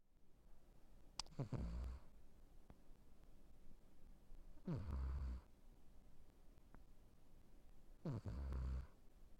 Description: Even a cutie pie like Liger can have a rythmic snore when passed out.